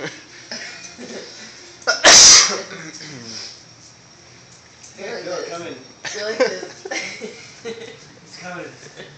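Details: Deliberately induced sneeze, brought on by looking up at a light after pepper was mentioned: one loud explosive sneeze amid casual talk and laughter; sneezing.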